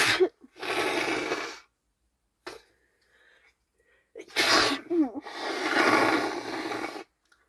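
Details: Girlfriend with a cold sneezing: two loud sneezes, each with a short indrawn breath before a forceful burst of air.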